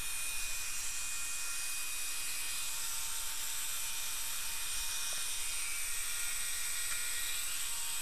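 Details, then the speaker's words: Steady high hissing rush of dental suction with a faint handpiece whine (about four power), running continuously during full crown preparation of tooth number 30, starting at the gingiva. "again i go to about four power on the hand piece two clicks to the right and turn my suction on"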